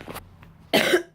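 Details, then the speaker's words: A faint short cough, then one harsh cough with a slight whistling, wheezy edge, which the person notes was loud wheezing; speaker has POTS and digestive conditions: cough with wheezing. "wonder if you can hear my wheezing because that was loud."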